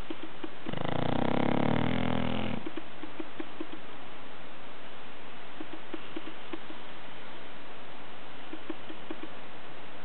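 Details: A person snoring: one loud, rumbling snore of about two seconds, then soft rhythmic clicking breath noises against a steady background hiss.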